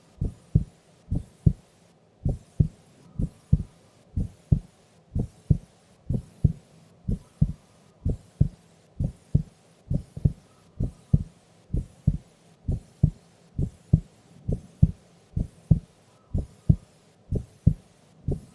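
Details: Sleeping woman during an afternoon nap: steady, low lub-dub heartbeats at about 64 a minute, even and unhurried; normal resting heart sounds.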